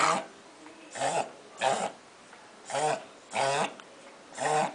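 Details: Dachshund coughing: six harsh, hacking, dry-sounding coughs about every half to one second, indoors.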